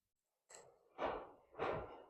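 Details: Japanese Wagyu cow, about two years old, sleeping and snoring with teeth showing: three loud, rough, breathy snorting breaths in quick succession.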